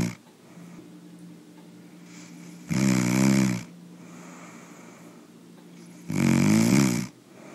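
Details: Person snoring while asleep: two long, loud, rattling snores on inhalation, about three and a half seconds apart, over a steady background hum; snoring.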